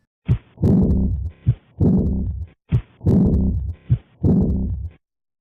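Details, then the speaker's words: Simulated, animated heart sounds of aortic regurgitation: slow heartbeat with a long blowing early diastolic murmur, best heard along the left sternal border, starting loud after S2 then rapidly fading. "As the blood flows in the reverse direction, the murmur is best heard not in the aortic area but rather along the left sternal border. It peaks at the beginning of diastole when the pressure difference is highest, then rapidly decreases as the equilibrium is reached."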